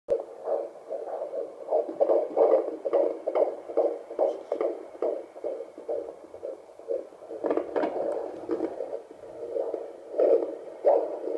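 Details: Fetal heartbeat of a second baby heard on Doppler for the first time: rapid, regular whooshing at about 143 beats a minute, with movement and a kick also heard.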